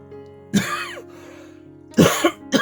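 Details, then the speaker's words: Three short, harsh coughs from an adult man with a lingering cough that won't go away, over soft background music: cough. "As you can hear, the cough is still with me, unfortunately. I wish it was gone, but it was it doesn't want to go away."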